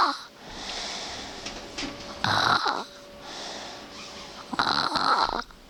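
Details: Male sleeper recorded at 8AM: snorting, whistling snores on each breath, about two in six seconds, with quieter airy breaths between; said to be quiet compared with his much louder snoring in deep sleep 30 minutes after falling asleep.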